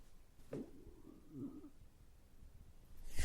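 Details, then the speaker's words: Low gurgling stomach rumbles, or borborygmi, from an adult man at night near the end of a fasting day. He is very hungry and says his empty stomach feels like a baby kicking; ordinary hunger bowel sounds. "Oh, my stomach's going. Did you hear it? Did you hear it? It's like It's like my baby's kicking. My empty vacuous baby."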